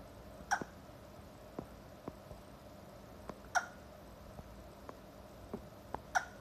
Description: Our 4 month old Shih Tzu puppy with hiccups as she falls asleep.